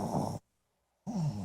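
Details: Low, fluttering rumbles on two breaths, separated by a brief quiet pause: deep snoring from a sleeping Shih Tzu dog.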